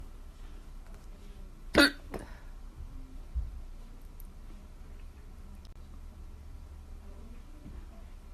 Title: Hiccups at work